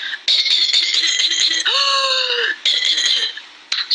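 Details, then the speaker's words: Pertussis (whooping cough): a rapid run of paroxysmal coughs followed by a long, high-pitched crowing inspiratory whoop, then more coughing. "but after one or two weeks the characteristic coughing cough happens with the inspiratory"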